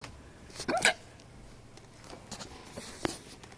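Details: A single sharp, abrupt hiccup with a quick gulping catch, then quiet room noise and a faint click. Severe, painful hiccups that had lasted about half an hour.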